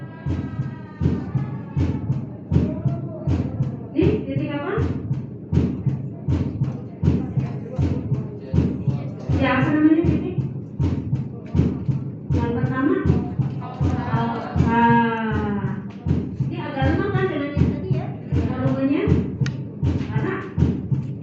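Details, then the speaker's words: Heart auscultation at the apex (mitral area) with a microphone-fitted stethoscope during a physical exam demonstration: regular thumps, first heart sound loudest, voice talking over; normal heart sounds. "Itu di apex ya. Megangnya harus pas. Nah, ini lebih jelas bunyi jantung 1."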